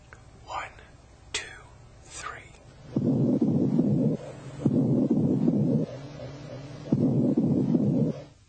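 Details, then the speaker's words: Posterior thorax auscultated with the stethoscope diaphragm while the patient whispers "1 2 3"; the whispered numbers come through louder and clearer than normal, suggesting airless lung. Whispered pectoriloquy. "When these sounds are louder and clearer than normal, as in this example, whispered pector is present. All these changes in voice sound suggest that the airfilled lung has become airless."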